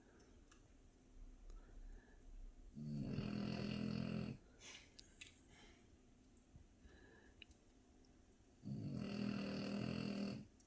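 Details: French bulldog snoring by the fire: loud, coarse, buzzing snores on each inhalation about six seconds apart, faint crackling fire behind.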